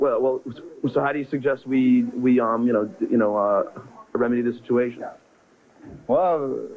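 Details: Adult man who has stuttered since second grade, conducting an interview, with part-word and word repetitions; stuttering.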